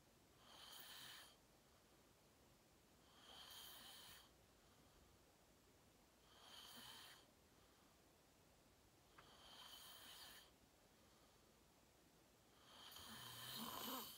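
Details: Self-recorded sleep video, fell asleep at 8:45 in deep REM sleep, tagged sleep apnea: regular snoring on each in-breath, about 20 breaths a minute, over steady room hiss; snoring.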